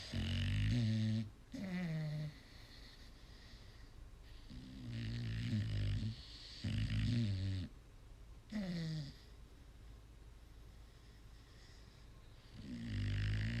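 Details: Slow, irregular, low rattling snores on the in-breath, roughly nine a minute, with quiet pauses between them in a small room; snoring.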